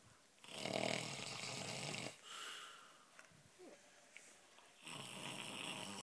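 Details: A father snoring in his sleep, with babies in the home during sleepless nights: rough, rattling breaths, about two snores with quieter gaps between.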